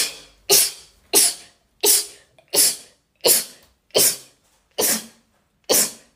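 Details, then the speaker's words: Rapid series of eight sharp, explosive sneezes, about one every three-quarters of a second; the person says such rapid multiple sneezes are their normal pattern, averaging about six in a row. "so anyone else have a weird sneeze or what do you think my sneezes sound like put it in the comments cuz I'm interested cuz all my friends think it's hilarious"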